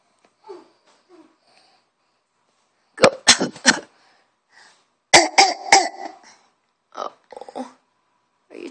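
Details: A child, who is sick, coughs in several short bouts, each of two to four quick, sharp coughs.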